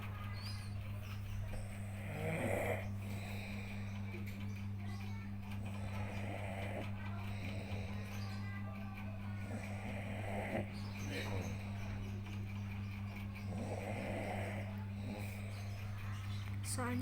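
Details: Sleeping adult woman snoring softly and rhythmically at about 15 breaths a minute over a steady electrical hum; recorded as proof because she doesn't believe she snores.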